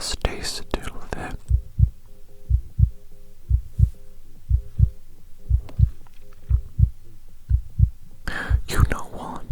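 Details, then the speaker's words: Simulated ASMR doctor roleplay, stethoscope on the chest: a steady, regular heartbeat about 60 a minute with soft whispering around it, called a strong, rhythmic normal heartbeat. "You know what? I'm actually very impressed with that heartbeat. That is a strong and rhythmatic heartbeat if I ever hear one."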